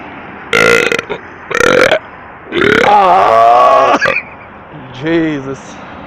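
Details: Midnight burping: a run of four loud, voiced belches, one long and drawn out; burping.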